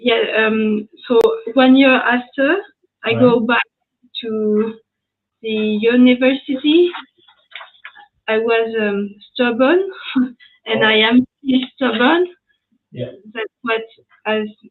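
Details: French woman with aphasia after an ischemic stroke at age 22 in July 2011; mute for 10 days, then a year of rehabilitation, still recovering speech; speaking English, a second language; post-stroke aphasia.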